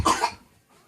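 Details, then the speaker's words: Cough from a child being told to sit back elevated and rest: a single short, forceful cough with a quick burst that fades within a fraction of a second. "I want you to stop coughing"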